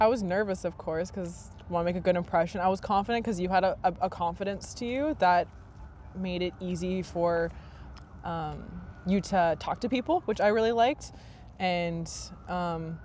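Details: Adult woman speaking; typical speech.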